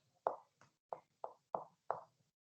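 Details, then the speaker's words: Abdominal percussion: six hollow, low-pitched taps in quick succession, each with a brief ringing decay; normal abdominal resonance, contrasted with the dull note over muscle; normal resonant percussion note. "sonoro, normal. abdomen, eso le llamo también sonoridad en el abdomen, todo lo que suena así."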